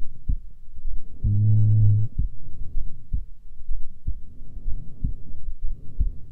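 Soft, regular low thumps around 60 beats a minute with a brief hum over them; a normal resting heartbeat.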